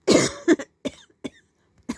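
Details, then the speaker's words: An adult sick for about five days with severe headache, sore throat, shaking chills, hoarse voice and cough: one harsh cough followed by several shorter, weaker coughs in a burst. "i already did this but it was too long and i'm gonna start coughing anyhow try to go as quick as i can"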